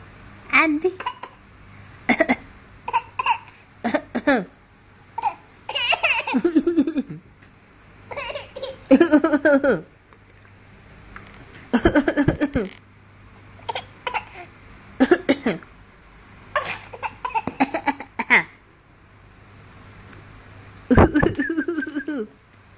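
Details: A young child imitates his mother's cough with a series of short, voiced, playful cough-like bursts.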